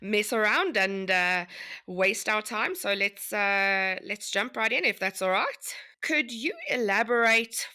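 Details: Adult woman speaking; typical speech.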